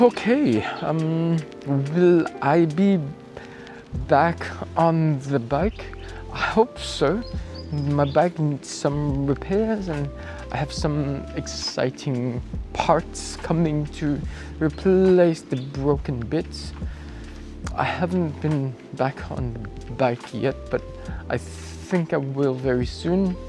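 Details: Acquired apraxia of speech in an adult male cyclist, starting a few days after a 14 December bike crash where he hit his head and blacked out; about two weeks on, he reports it is improving.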